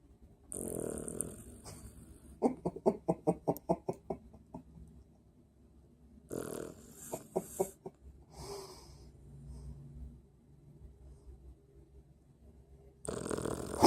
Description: Our dog Zeke snores like an old man!!